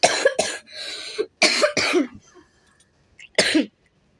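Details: Child coughing during an app tutorial, then apologizing for it: a run of about five short, harsh coughs with a raspy breath in between.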